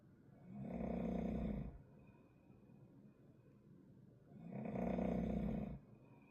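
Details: Snoring of a hospital inpatient, disturbing others' sleep on the ward: two long, loud, buzzing snores about four seconds apart, with quiet breathing between them.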